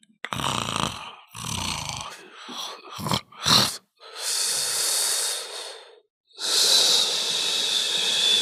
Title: Me Snoring in the sun